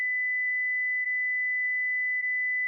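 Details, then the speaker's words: Continuous steady high-pitched tone from a Philips HeartStart FRx AED in a child-pad demonstration (pads on chest and back), sounding after shock advised while prompting to press the flashing orange button to deliver shock. "shock advised stay clear of patient press the flashing orange button now deliver shock now"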